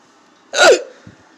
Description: I had the hiccups for a few minutes before i was able to record.